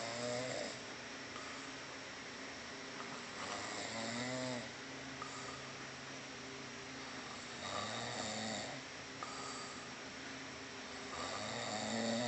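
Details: Sleeper snoring heavily: whistling, rattling snores at about 16 a minute over steady room noise.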